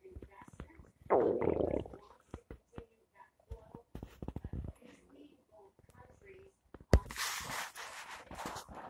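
Gurgling, rumbling bursts from the belly with a loud rumble early on and some room noise: ordinary stomach rumbling, harmless bowel sounds.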